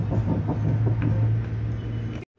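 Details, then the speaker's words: Fetal heartbeat on the first pregnancy ultrasound at 7 weeks 5 days, machine volume turned up: rapid, rhythmic whooshing thumps, fast as expected at this stage. "आणि त्यावेळेस ठक ठक ठक ठक ठक ठक एवढं स्पीडमध्ये होतं ना ते आहे फुटेज मी ते म्हणजे तुम्हाला ऑडिओ तरी नक्कीच हा ते व्हिडिओ दिसणार नाही परंतु ऑडिओ तुम्हाला ऐकायला मिळेल किती स्पीडने ते हार्ट बीट होते"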